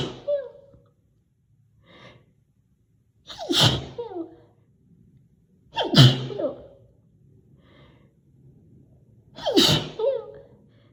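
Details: Induced (not natural) loud, high-pitched "girly" sneezing: three loud sneezes, each preceded by a sharp inward gasp, in a quiet room.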